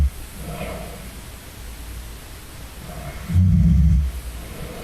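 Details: Adult man snoring during sleep and tracking his snoring with an app: low, rumbling breathing with a loud snore burst near the end over steady hiss; medium-level snoring.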